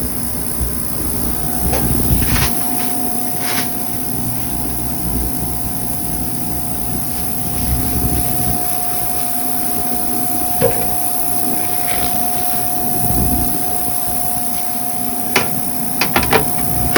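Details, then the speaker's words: Dental office sterilization: an ultrasonic instrument cleaner runs a foil test with the foil not touching the bottom or sides, giving a steady mid-pitched hum, low rumble and a few handling clicks. "I just want you guys to note that my foil is not touching the bottom or the sides of my ultrasonic. And I'm going to run it for 5 to 10 minutes."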